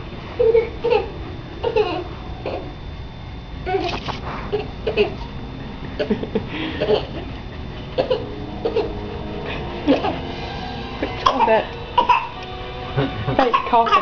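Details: A crawling infant makes short deliberate throaty coughs mixed with squeals and babble: a playful voluntary fake cough.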